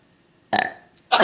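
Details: Three-year-old boy burping at will on request: a loud, rumbling burp after a moment of quiet, with the start of another at the end; ordinary belching.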